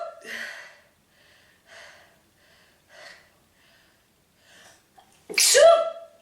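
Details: Woman's prolonged sneezing fit of about 46 sneezes: several soft catching breaths build to one loud, explosive sneeze.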